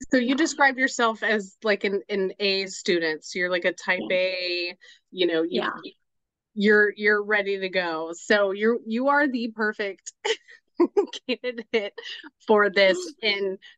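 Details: Adult speaker; Normal speech.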